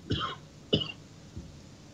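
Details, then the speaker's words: Adult host gives two sharp cough bursts, then a softer low throat-clearing hack, in a quiet room during a live broadcast: cough. "Folks, my apology. And if this sounds bad on your end, either coughing or the hacking, just let me know, and we'll just postpone the show,"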